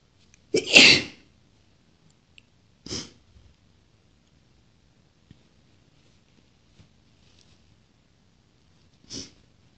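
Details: Three sneezes from a woman in a quiet room: one forceful sneeze after a sharp intake, then two softer sneezes after pauses.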